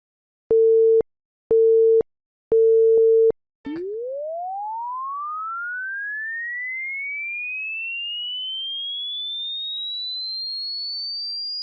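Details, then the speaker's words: Three short steady beeps, then a continuous pure tone rising smoothly toward very high pitches, with matching age numbers displayed: an approximate age-based hearing test tone sweep, not a medical test. "इस earring test में एक continuous sound play होगा और उसके corresponding आगे numbers display होंगे"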